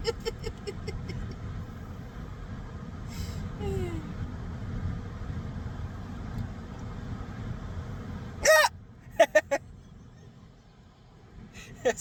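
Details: Hiccups with the mouth held wide open while trying not to laugh: over steady low road or vehicle noise, a sudden loud voiced gulp, two short sharp catches, then another later.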